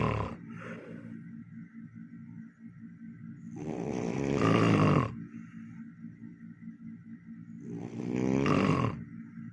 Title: #snoringasmr #snoringsounds #asmrsounds #asmrsleep #asmrsound #very#loud #noisy #snoring